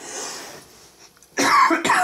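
Two harsh, forceful coughs after a quiet stretch, from an adult with a cold.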